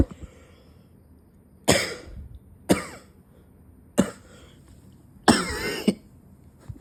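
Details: Four separate harsh cough bursts with pauses between them, performed deliberately as an acted cough by a grade 12 student in a school arts practical exam; simulated cough.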